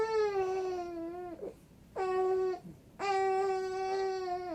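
Three clear, sustained wailing cries with short catch-breaths between them. The infant cries steadily.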